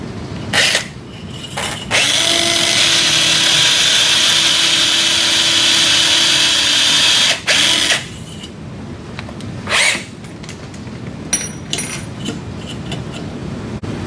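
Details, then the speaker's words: Steady high-pitched whine of a cannulated power drill, with clicks and tool handling, driving a radial starter drill over a guide pin in a Sawbones wrist-arthroplasty training demo; surgical power drill. "With the canulated power drill, drive the radial starter drill over the guide pin until the laser line depth indication is flush with the articular surface."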